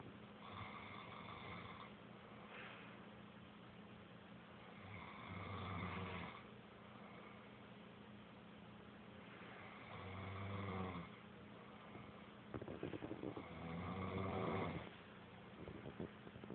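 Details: Male snoring loudly during sleep: loud, rumbling snores recurring about 15 times a minute over a steady background hum.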